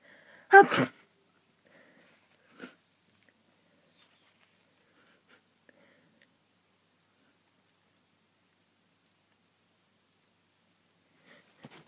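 One loud sneeze, then a few faint, stifled sneezes in an otherwise quiet room; hay fever sneezing.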